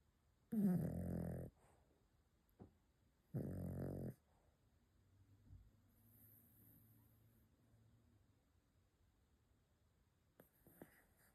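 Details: A sleeping dog snoring: two loud, rumbling snores, then quiet breathing with faint snuffles in a small, quiet room.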